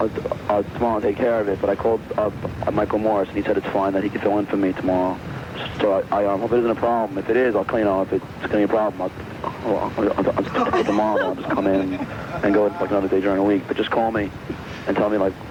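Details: Adult man with a known stutter leaving an answering-machine message; real; the hosts call it possibly his worst stuttering episode ever, with repetitions and disorganized, hard-to-follow delivery; stuttering.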